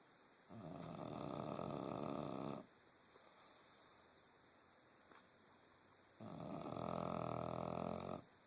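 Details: Person snoring while taking a nap: two long, rough, fluttering snores about six seconds apart with quiet breathing between.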